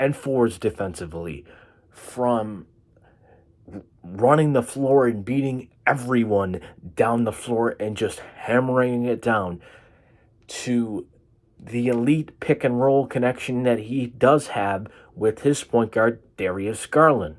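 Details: Man with cerebral palsy causing an occasional stutter; stuttering (speech disfluency) with cerebral palsy.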